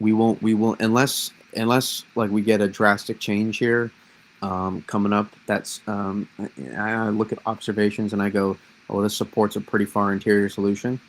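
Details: Stuttering in an adult man who says he has always stuttered; repetitions.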